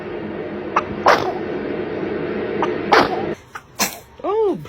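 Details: Several small, sharp sneezes from a baby, with adult laughter, murmuring and "bless you" in the background: sneezing.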